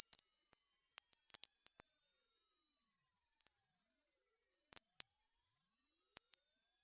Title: Hearing Test || Research And Technology